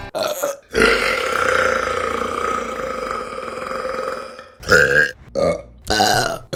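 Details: A long, loud, drawn-out belch followed by several shorter burps, from a burping compilation; repeated belching.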